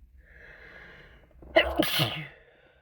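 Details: Adult sick with a cold, many sneezes self-induced, trying to hold back; a soft strained inhale builds to one loud explosive sneeze that fades off.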